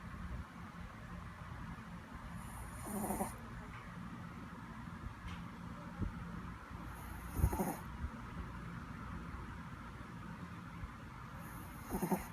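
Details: Three short snorting snores roughly every four to five seconds over a steady low room hum; snoring during sleep.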